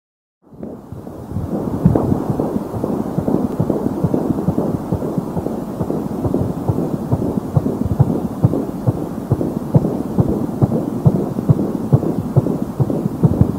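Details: Fetal heartbeat at 16 weeks of pregnancy heard through a Doppler monitor: rapid, regular whooshing pulse.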